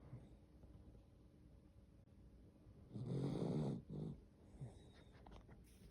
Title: snoring